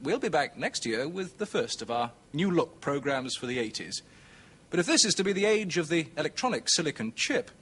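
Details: Adult male presenter; normal fluent speech.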